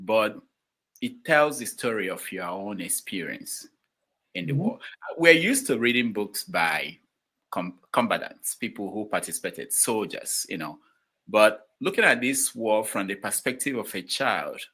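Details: Adult male speaker; ordinary speech.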